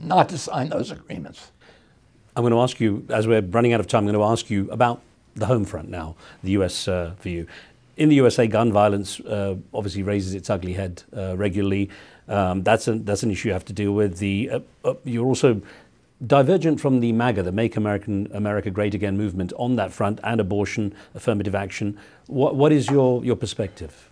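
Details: Adult male interviewer; typical voice.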